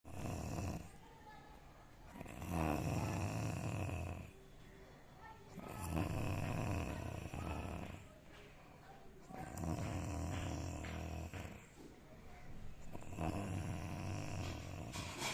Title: when he snores I can't sleep 😴💤 😐😑 then I make videos #shorts